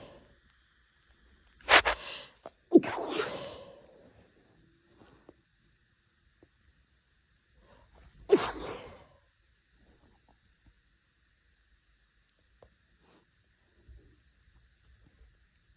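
Sharp, explosive sneezes with a quick breath drawn in before them, separated by quiet pauses.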